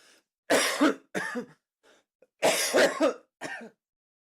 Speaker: Let's see if I just spend the whole 3 minutes coughing. No, we're good.